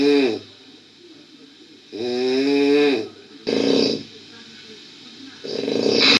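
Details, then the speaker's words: Adult woman (TV chef on a jungle reality show) snoring: loud, drawn-out rumbling snores with a voiced, groaning quality about every two seconds, quiet breathing between; snoring. "we got frogs we got you know birds and all kinds of things and I think she might be a little bit louder and just added an extra sound to the Jungle soundtrack"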